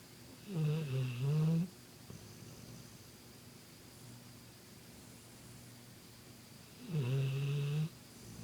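Two long, low, rumbling snores about six seconds apart in a quiet room: a dog snoring in sleep.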